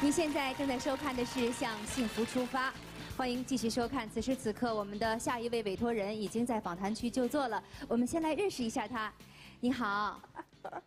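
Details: Adult female television host; normal speech.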